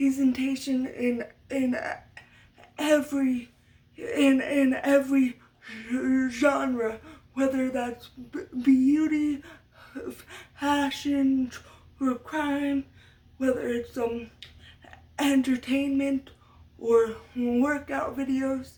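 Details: Stuttering in an adult woman, described by her as part of muscle tightness from cerebral palsy (brain damage as a baby); she had speech therapy from a young age through high school and uses techniques to minimize it.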